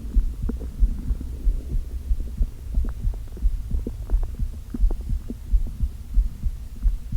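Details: Hunger stomach growling (borborygmi) after not eating all day, with only coffee and with hunger pangs and a headache. A low, steady rumbling hum with frequent soft irregular pops and gurgles.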